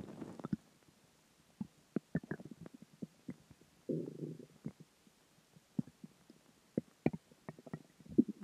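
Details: Ordinary stomach growling (borborygmi) from dinner, water and gas: quiet gurgles, squeaks and a longer rumble from the belly.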